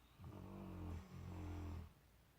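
Two low, rumbling, fluttering snores, one with each breath in: ordinary snoring from vibrating tissue in the throat.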